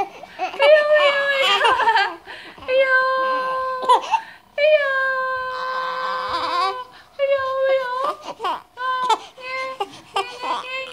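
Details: Infant crying: long, high-pitched wailing cries with breaks for breath and whimpers between them.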